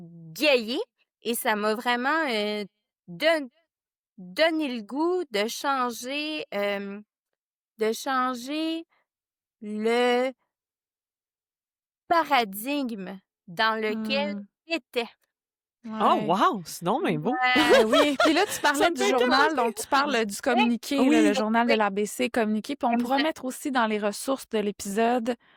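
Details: Adult woman who stutters, a member of an association for adults who stutter; stuttering.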